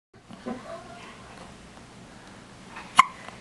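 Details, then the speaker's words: A quiet room with a single sharp, brief catch near the end: a baby's first hiccups, with a family dog investigating the noise; hiccups. "What is that? Those are baby hiccups."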